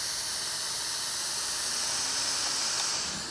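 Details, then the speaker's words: Steady high-pitched hiss of oxygen bled in at 16 L/min into the back of a Philips Trilogy 100 home ventilator with active circuit on a test lung, assist control, tidal volume 400; FiO2 reached about 70%. "right now I am going to increase my or actually just add oxygen period at 16 liters per minute it is being bled into the back of the machine"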